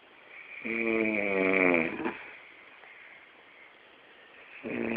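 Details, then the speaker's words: Dad, recorded snoring as one of a snoring couple: a loud, voiced, rattling snore on a breath in, a pause, then the start of the next snore; ordinary snoring. "Recording you so you can hear what you snout."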